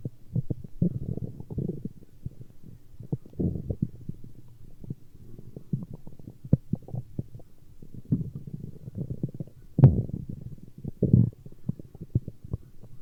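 Irregular low gurgles, rumbles and pops coming in bursts; ordinary stomach growling from gas and fluid moving through the gut.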